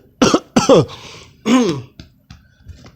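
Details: Adult man, possibly coming down with the flu, reaching for NyQuil: two loud, harsh coughs, then throat clearing and a third cough.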